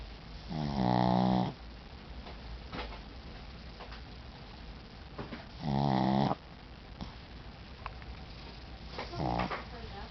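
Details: Small tired-out pet sleeping, giving three loud buzzing snores on its in-breaths over about ten seconds; snoring.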